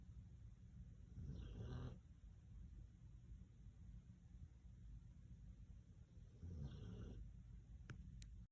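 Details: Two loud, rough, low snores about five seconds apart over steady room hum: ordinary snoring in a sleeping nine-year-old dog.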